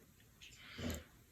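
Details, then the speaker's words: A female puppy snoring loudly in a home studio while a person talks over a wire-wrapping craft session. "And you can hear my dog snoring. That's the puppy. Can you believe that? Yeah, she snores like crazy."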